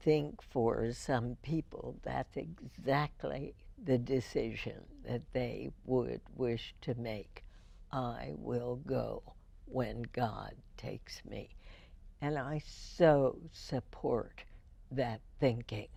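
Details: Real speech from a woman with spasmodic dysphonia, first diagnosed in 1998 and treated every four months with botulinum toxin injections into the vocal cords; finding: spasmodic dysphonia.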